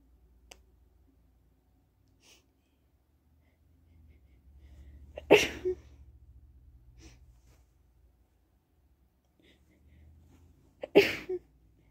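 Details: Person with a cold or possibly the flu, feeling unwell: two sneezes about six seconds apart in a quiet room, each with a quick inward breath before the burst.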